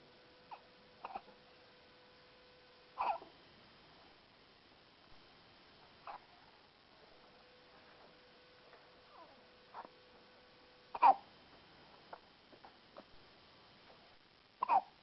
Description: Synchronized hiccuping